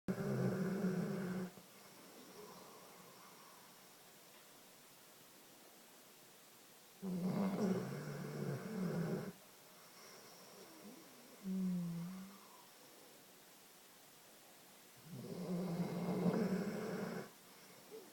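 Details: Sleeping dog snoring: slow, rumbling snores on each breath with pauses between, about eight a minute.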